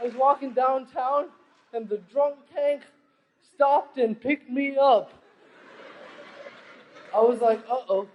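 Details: Adult male comedian with cerebral palsy, performing stand-up; dysarthria (cerebral palsy)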